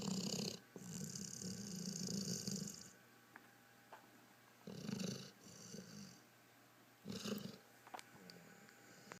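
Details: Pit bull asleep in a chair: rough, rattling snores in irregular bursts with quieter breathing between; snoring.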